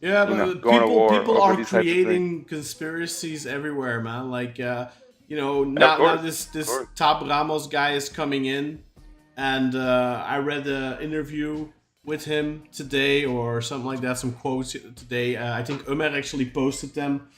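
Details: Adult man speaking; normal voice.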